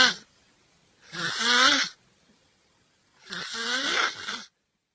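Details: Two long, harsh, rattling snores on the in-breath, separated by silent pauses: loud snoring of a sleeping person.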